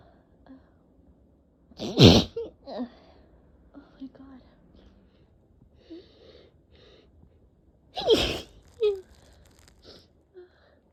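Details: Two loud sneezes about six seconds apart with quiet sniffs and breaths between, from a person strongly allergic to cats with a tickling nose, sore throat and eyes barely open; repeated allergic sneezing.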